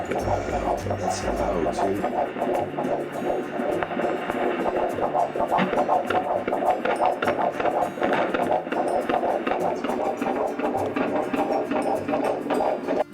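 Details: Rapid, regular whooshing fetal heartbeat heard on Doppler at the first OB-GYN visit, found instantly and clearly, at about 160 beats a minute: a normal, healthy fetal heart rate.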